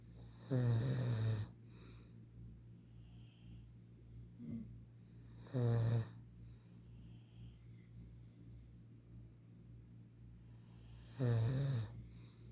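Three loud, low, rattling snores about every five seconds, roughly 11 a minute, with quiet breathing between; ordinary snoring.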